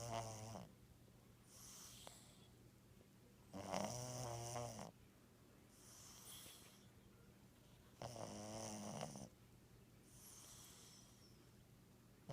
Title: My Cat Romeo Snoring Part 2